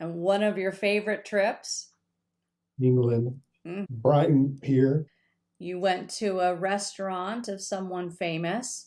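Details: Adult speaker, likely female; Normal speech.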